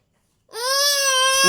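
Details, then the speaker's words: A baby girl lets out a single sustained, high-pitched wail after brief silence; an ordinary fussing cry. "দেখো মা, এই যে মা এসছে, শোনো দেখো দেখো কিভাবে চিল্লাচ্ছে মা।"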